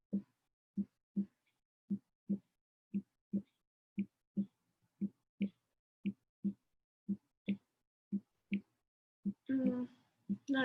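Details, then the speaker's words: Normal heart sounds: steady paired lub-dub (S1-S2) at about 58 beats a minute, produced by closure of the heart valves. "So that is the lub-dub. So I want you to know that that's what's happening. Closure of those valves is what actually changes or makes that sound."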